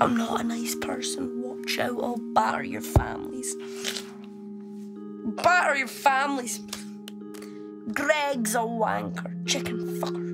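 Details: 12-year-old boy with Tourette syndrome, a genetic neurological condition, diagnosed in 2014, tics intensified after starting secondary school; tics shout insults and odd phrases; vocal tics with coprolalia (Tourette syndrome).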